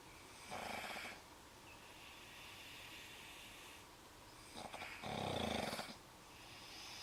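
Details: Sleeping dog snoring, with the owner concerned about its breathing: two loud rattling breaths about four seconds apart over a quiet background; snoring.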